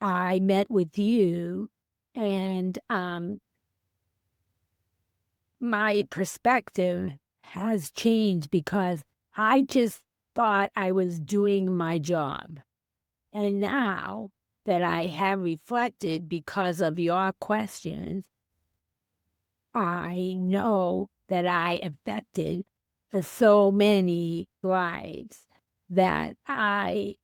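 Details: Female teacher with aphasia after a stroke on January 28, 2010; she could not speak at all for three months and is now about 15 years post-stroke; real speech; aphasia.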